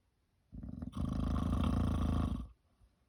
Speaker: at it again, snoring like a rocket. And it's just after 9 o'clock in the evening.